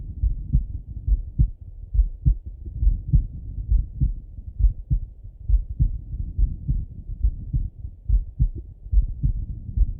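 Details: Male heart auscultation through a stethoscope, recorded either sitting at a desk or lying in bed: steady regular lub-dub at about 70 beats a minute with low rumbling stethoscope noise; normal heart sounds.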